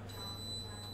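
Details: Spirometer end-of-test beep during a lung function test demonstration: steady electronic tone with low hum signalling the end of a forced exhalation after blowing hard through a tightly sealed mouthpiece.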